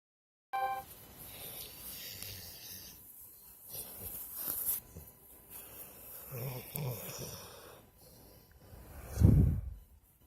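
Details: Low rumbling, snuffling breath noises with a louder snort near the end from a sleeping dog; snoring.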